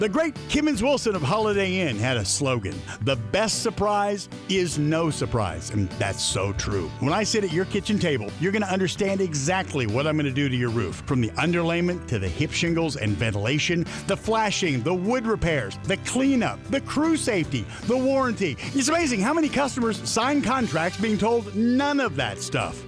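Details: Adult man, radio advertisement; normal voice.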